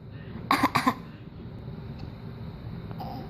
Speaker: show me bad cough where's your bad cough